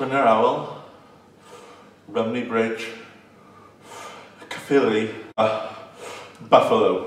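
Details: Adult man who stutters, in earlier footage of his past speech, blocking and stuttering while giving his address, including one of his most feared words; stuttering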